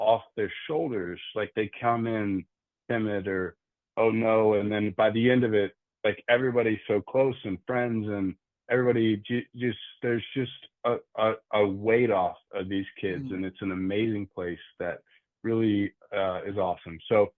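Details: Adult man who stutters, with frequent word and part-word repetitions and fillers; stuttering.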